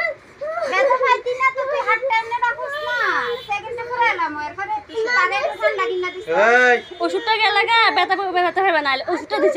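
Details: High-pitched, strained crying of an infant girl in pain during ear piercing, in rising and falling wails, with other voices in the room.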